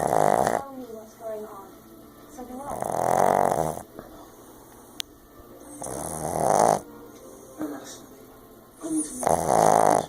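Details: Boston terrier snoring while asleep: loud, rattling, human-like snores, each followed by a quieter snorting exhale, in a steady rhythm about every three seconds; snoring.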